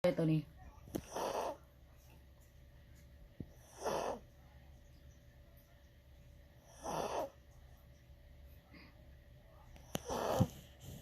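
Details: Tired dog, worn out after playing and travelling and known to snore a lot, giving four rough snoring breaths about three seconds apart, roughly 20 a minute, over faint room hum; real snoring.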